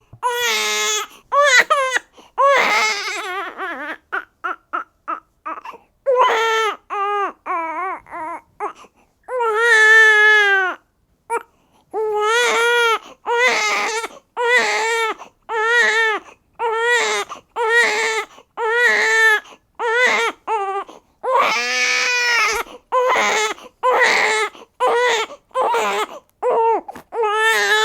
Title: Newborn Baby Crying Sound Effect Royalty Free SFX HQ